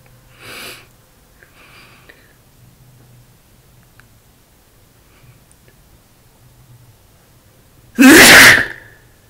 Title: 3 sneezes and nose blow (m)